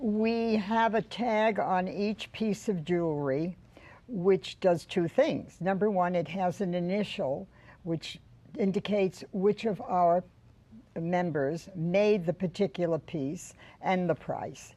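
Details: Adult woman speaking; ordinary speech.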